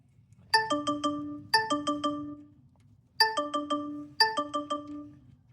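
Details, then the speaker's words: Repeating four-note chime from a blood glucose monitor in the background, alerting low blood sugar while the wearer replaces a tractor starter. "You hear my blood sugar monitor in the background. It's always nice. Lets me know when my blood sugar is getting low."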